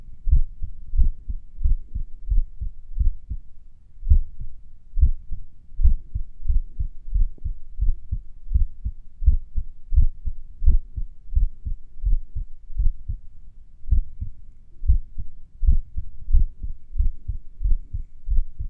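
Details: Clear heartbeats near 90 a minute with gaps that lengthen and shorten, recorded a few minutes after morning exercises: sinus arrhythmia during recovery.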